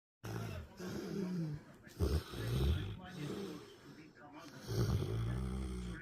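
Loud, rough, rattling breaths come in slow cycles of about two seconds each; a dog snoring in sleep.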